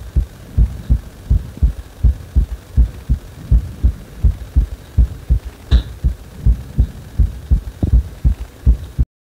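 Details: Steady, strong, regular low thumps at about 80 per minute, a heart speeding up on its own after compression; heartbeat.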